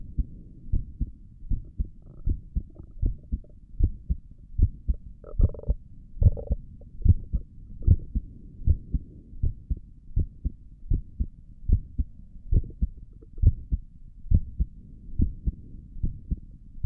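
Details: A person's own resting heartbeat recorded through a stethoscope on the chest for relaxation: steady low thumping at about 73 beats a minute with some rubbing noise; normal heart sounds.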